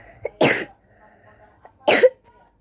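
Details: Two short, dry cough bursts in a quiet room from a sick primary-school child who says they recently had a blood transfusion.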